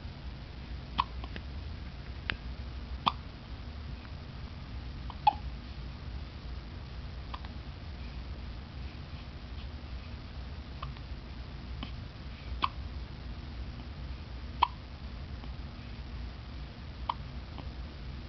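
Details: Baby 3 days old with a fit of hiccups: about nine short, sharp hiccups in a quiet room, roughly thirty a minute at uneven intervals.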